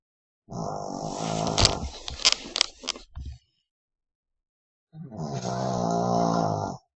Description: My dog, Brutus snorig